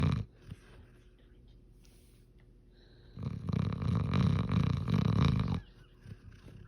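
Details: Quiet breathing, then a long, low, rumbling snore lasting a couple of seconds from Ozzy; ordinary snoring.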